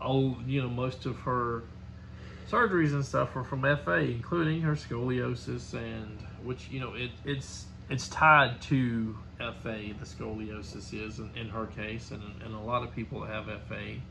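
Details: Adult man speaking; ordinary speech.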